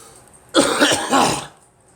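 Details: Person coughing with phlegm caught: about one second of rough, harsh, throaty coughing in two or three bursts, like an effort to clear phlegm.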